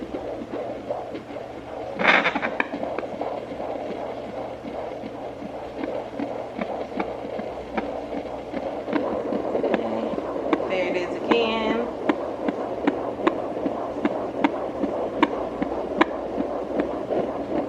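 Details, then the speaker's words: Home fetal Doppler used by a mother in her first pregnancy, who reads the heartbeat as 157; Doppler hiss and probe scrapes, then a regular pulse near 77 per minute, slower than a fetal rate. "okay so you'll take this part and you just kind of fill around so yeah guys there's my baby's heartbeat 157"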